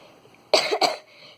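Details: Two quick, sharp coughs in close succession in a quiet room, from a young person recording a casual vlog; cough.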